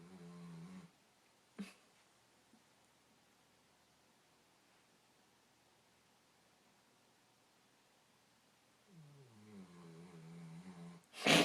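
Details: Puppy snoring.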